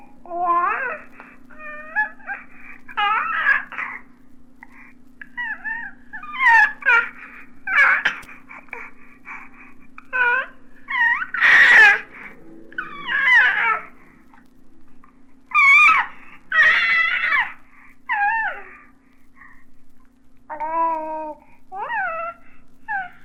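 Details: Normal infant cooing, from a 1967 recording of baby sounds.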